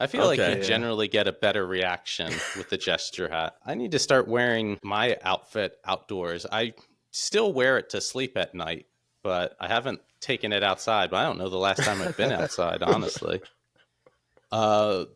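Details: Adult male speaker; typical speech.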